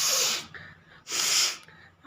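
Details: Woman doing a deliberate sneezing challenge, saying she has no cold; two forceful, hissing sneezes about a second apart, each followed by a short breath; sneeze.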